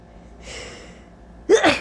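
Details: Allergy sneezing on a very hot day: a short breathy intake, then one sudden, forceful sneeze.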